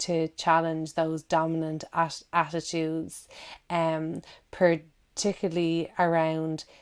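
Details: Adult woman who stammers, giving a recorded talk; repetitions of words and syllables audible; stuttering.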